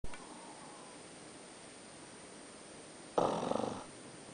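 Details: A napping pug gives one short, rough, fluttering snore on a breath after a quiet stretch during an afternoon nap; dog snoring.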